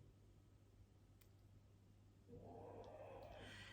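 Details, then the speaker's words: A dog snores in the background over a steady low room hum; the raspy, noisy snore swells partway through and grows louder. Ordinary snoring. "i'm sorry about that noise in the background that's jack as usual snoring listen"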